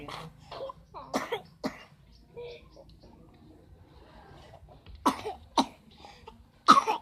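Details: About five short, sharp coughs from a sick person in a small room, with quiet speech between them; vomiting is mentioned afterward. Cough.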